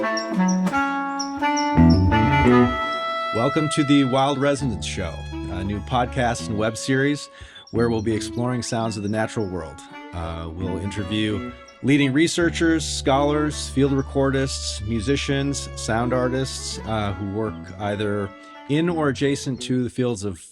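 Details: Adult male speaker; ordinary speech.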